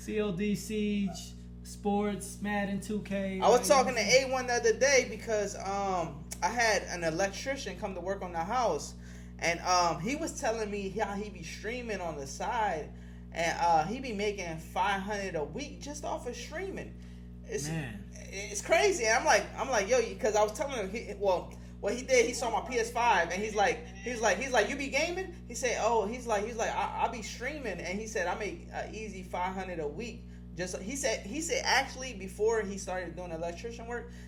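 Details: Adult man; normal speech.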